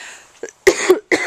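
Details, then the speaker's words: Small rescue dog with kennel cough, on vet-prescribed medication: a short series of three harsh, dry hacking coughs in a quiet room. "sweet dog she is feeling a little under the weather she's got some kennel cough but we went to the vet for her Wellness visit"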